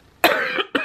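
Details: A 23-year-old who is really sick gives one loud, harsh cough followed by the start of a second.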